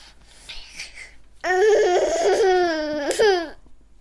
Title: ANGRY BABY SFX - SOUND EFFECT IRRITATED NEWBORN